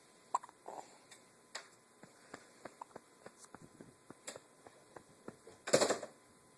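Short, sharp gulping clicks recur about every half second, ending in a louder burst; fits repeated hiccups in a quiet room.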